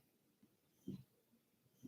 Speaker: my dog's snoring in the background if you guys hear it grunting and [ __ ]